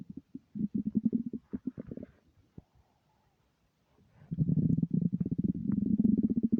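Low gurgling, bubbling rumbles in bursts with a pause between, typical of an empty stomach growling.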